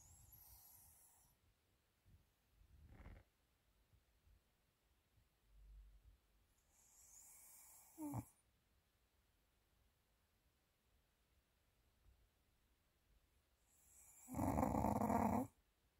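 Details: Pomeranian dog sleeping heavily: quiet snorting breaths with a few louder snores and snuffles; ordinary snoring.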